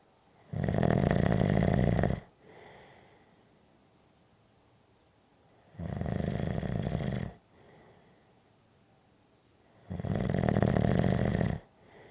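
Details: Three loud, harsh snores lasting about 1.5 seconds each, every 4 to 5 seconds (about 14 a minute), each followed by a soft out-breath; loud snoring.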